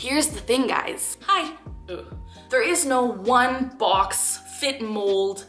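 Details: 23-year-old woman with Tourette syndrome, tics since age 3, clinically diagnosed at 12, takes three daily medications and suppresses tics, vocal tics often triggered by mentioning tics; Tourette syndrome vocal tic.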